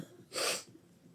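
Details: A single sharp, hissing sneeze lasting about a third of a second, from an adult who says she is ill, against quiet room noise.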